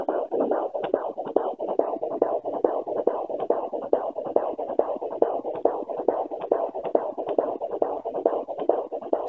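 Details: Fetal heartbeat on Doppler at 15–16 weeks of pregnancy: rapid, regular galloping whoosh at about 140 beats a minute, normal.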